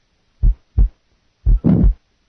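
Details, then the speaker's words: Simulated teaching recording of a pericardial friction rub with a heart beating 60 a minute, where only the systolic component of the rub is added. "to a heart beating 60 times per minute then only the systolic component of the rub will be added"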